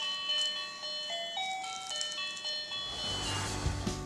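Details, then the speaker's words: Battery-operated nasal aspirator used on an infant with her first cold: short electronic melody of bright tones meant to distract, with a low motor hum entering near the end. "One of the things I do like to have around though is the Nasal Clear nasal aspirator. It's battery operated, so it clears her nose fast, and it has a musical element to help distract."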